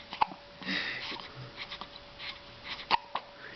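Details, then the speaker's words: Infant with recurring hiccups: short sharp hiccup sounds, about three in a few seconds, with soft baby noises and room sounds between them. "he going to be like one of those kids that has hiccups for like 4 years?"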